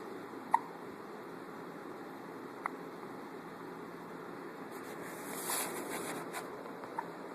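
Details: Male addressed as buddy, who has the hiccups: three brief, sharp hiccup sounds a few seconds apart over steady room noise.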